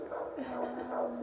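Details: Rapid, soft whooshing pulses heard on Doppler during the mother's fourth pregnancy, described as good: a normal, healthy-sounding fetal heartbeat.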